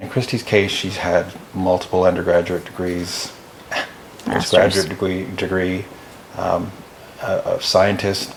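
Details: Adult man speaking; ordinary speech.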